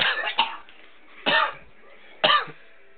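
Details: Three harsh, forceful choking coughs with a throat-clearing quality from an adult at a New Year's party, after a double shot of liquor went down the wrong way; choking cough after aspiration.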